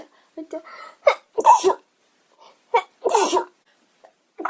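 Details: Young Japanese woman sneezing uncontrollably: two sharp sneezes, each with a brief breathy intake before the burst, and small vocal sounds between: a run of sneezes.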